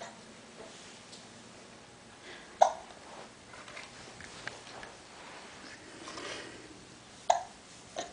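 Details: Jack having two or three sudden, sharp hiccups spaced several seconds apart in a quiet room while playing and reading; hiccups.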